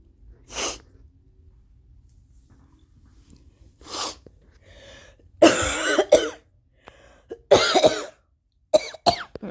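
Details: Adult who has been sick with bad allergies coughs intensely in repeated harsh bursts, the later ones strained and retching; coughing with gagging.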